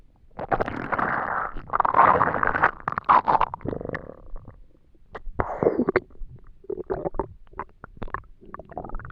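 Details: Person trying to sleep on an empty stomach. Loud belly gurgling and rumbling, long bubbling runs followed by shorter pops and squelches: hunger stomach rumbling, borborygmi.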